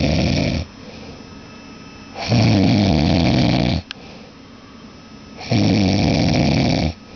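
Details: Man asleep, snoring loudly: rough snores on each in-breath, roughly every three seconds, with quiet out-breaths between; steady snoring during sleep.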